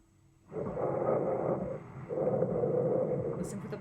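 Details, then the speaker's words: Bronchial breath sounds: loud, hollow, tube-like breathing heard through the whole of inhalation and exhalation, phases equal in length and volume with a clear pause between. "very loud tube-like um you hear it all the way in inhalation all the way in exhalation with that clear pause between the two"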